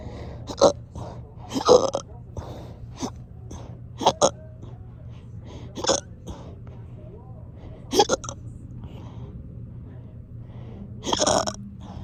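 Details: Person hiccuping persistently for hours: repeated abrupt, forceful vocal bursts at irregular one-to-two-second intervals, some doubled, with a burp-like quality; strong hiccups.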